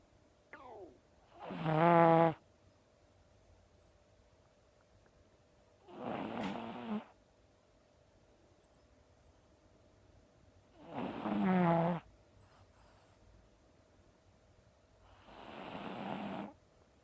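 Four slow snoring breaths in 17 seconds, each a rough, fluttering in-breath with quiet pauses between; ordinary snoring of a flat-faced puppy.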